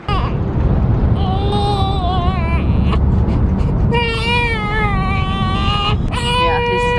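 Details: Hunger cry, identified by Dunstan baby language, from a 5-week-old baby boy: repeated rising-falling wails over car noise.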